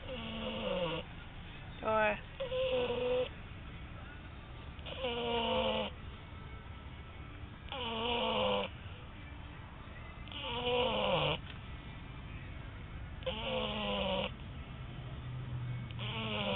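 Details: Loud rhythmic snores with whistling, squeaky tones, about 22 breaths a minute, over faint room noise, recorded on a mobile phone; snoring.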